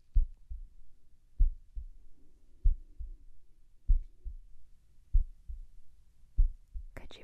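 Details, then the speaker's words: Simulated ASMR role-play yearly check-up: a stethoscope heartbeat with crisp paired lub-dub sounds at about 48 beats a minute and no extra noises; normal heart sounds. "Everything is looking fine. I'm just going to go to your backside and do the same thing. Okay. Heart is doing wonderful. No problems there."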